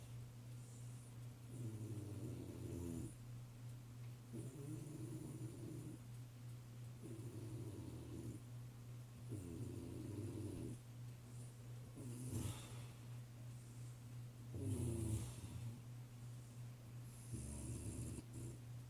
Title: My wife snoring